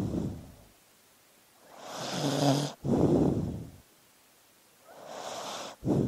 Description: One hour of sleeping dog noises. With looping slideshow.